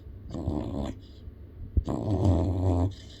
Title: Snoring Yellow Lab Puppy